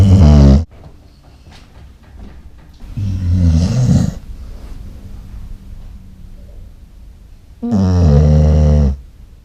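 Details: Loud snoring from a dog, sometimes loud enough to shake the house.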